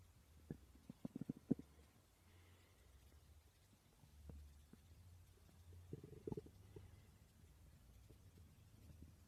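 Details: Stomach growling (borborygmi) recorded while the person slept: low gurgling rumbles with brief bubbly pops over a quiet background.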